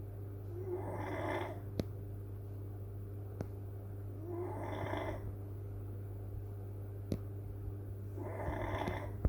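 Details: Old Beagle dog snoring: three rattling snores about every four seconds, around 15 breaths a minute, over steady electrical hum and occasional clicks.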